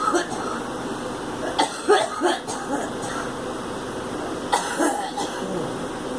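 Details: A girl coughing: several short coughs in small clusters, about seven in all, over steady room or vehicle background noise.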